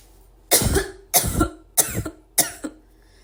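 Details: Four separate harsh coughs from a woman, each followed by a brief pause, in a quiet room.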